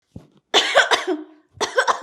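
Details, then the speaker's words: A few acted, voiced coughs from an adult woman in a small room, in a comedy sketch at a doctor's visit. "पर doctor साहब, खांसी तो तुम्हें भी हो रही है।"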